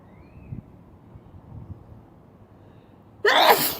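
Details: Quiet low rustling, then one sudden loud sneeze burst at the very end, cut off as it finishes, from a sneezing compilation.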